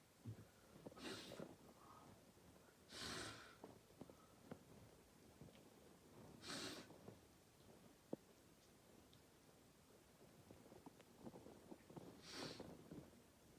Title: More cold sneezing and coughing